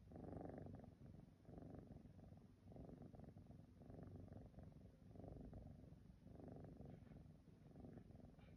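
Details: A resting Siamese cat snoring: soft, low rumbling that swells and fades in a steady rhythm with each breath, very close to a purr.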